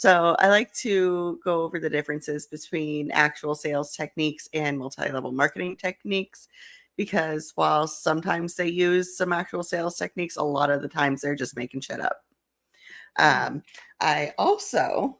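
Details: Adult woman speaking; ordinary speech.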